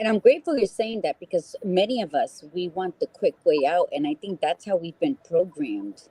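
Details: Adult woman speaking; Normal speech.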